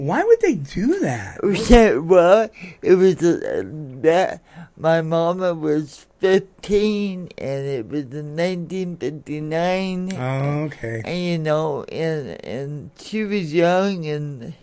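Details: Adult woman born in 1959 with lifelong cerebral palsy affecting her speech and motor skills, which she attributes to oxygen being cut off to her brain during delivery; some listeners have difficulty understanding her; dysarthria (cerebral palsy).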